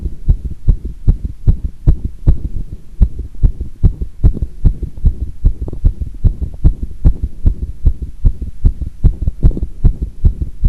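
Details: Recorder's own heart sounds with pressure applied after doing squats: strong, steady, evenly spaced heartbeats with a low muffled thump; one irregular beat occurred once during the recording.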